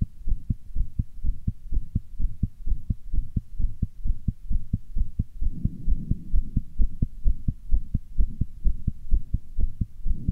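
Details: Rapid, regular, low thumping heartbeat at about 130 beats a minute, with the valves heard opening and closing quickly; the person's own fast-beating heart, tachycardia.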